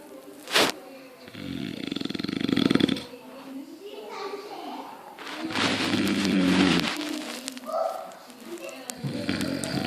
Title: Snoring jag style